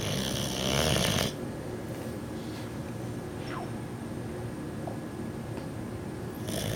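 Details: Snoring from a sleeping 6-month-old male Boxer puppy.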